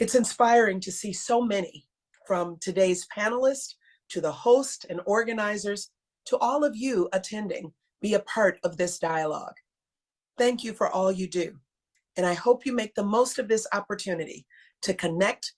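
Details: Adult woman speaking; ordinary speech.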